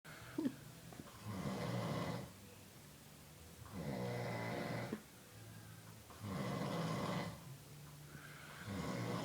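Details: Adult man snoring after a long, hard day at work, possibly gritting his teeth: loud, rattling snores on each breath in, about 25 a minute, with laughter and a snort in the background.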